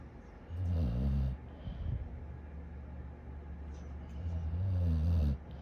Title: Funny Dog Snoring #funny #cute #dogs #animals #shorts